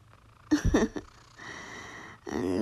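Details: 4-year-old cat sleeping with its owner: brief rustle, then a steady, raspy, buzzing snoring breath, another breath starting at the end.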